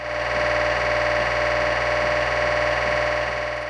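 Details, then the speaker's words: Real MRI scan: loud, steady electronic droning with rapid rhythmic knocking pulses, buzzing and banging like a jackhammer or a sinking submarine; typical MRI scanner noise during a sequence. "The noises are exactly like jackhammer noises while you're in there. I think it sounds sometimes like a submarine that's going under."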